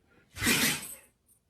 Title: Husky sneezing non stop